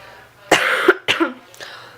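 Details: Adult who is sick coughing: two rough coughs followed by a softer third.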